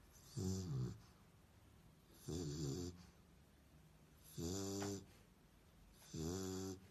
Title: Snoring Dog - Schnarcheder Hund